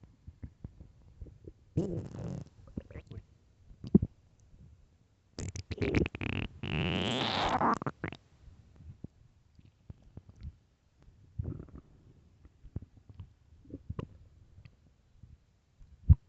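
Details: 9 minutes of loud stomach growling from hunger: irregular gurgles, squeaks and a long rising, whining growl from the belly with quiet gaps; borborygmi, a normal sound.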